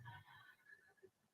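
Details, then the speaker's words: Female pet dog snoring while asleep during a livestream: a single quiet, low snorting snore with faint room noise. "By the way, that noise, if you hear, it's my dog, Zoe. She's snoring right"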